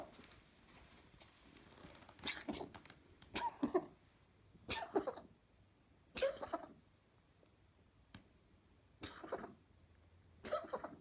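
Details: Pet cat with coughing episodes that happen only at night, seeming fine afterwards: a run of six or seven short, harsh, dry hacking coughs.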